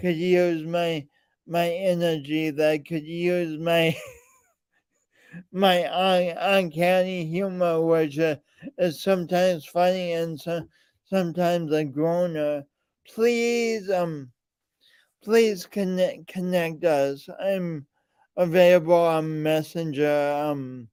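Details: Man with a speech impediment and coordination differences present since birth, still ongoing; speech impediment.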